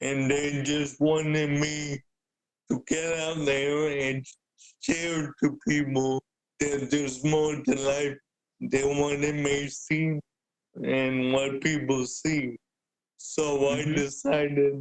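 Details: Adult man with cerebral palsy present since birth, a wheelchair user with physical limitations; speaking is noted as hard for him. Dysarthria (cerebral palsy).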